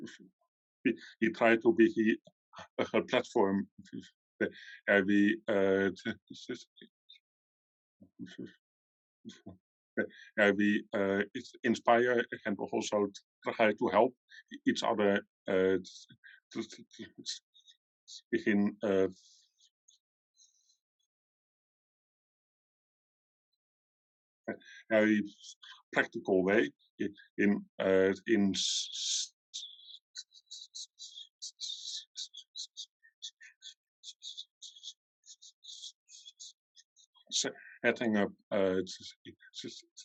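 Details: Adult man from the Netherlands who stutters, at times a lot, and still finds his stutter hard to accept; long pauses between words suggest blocks; stuttering.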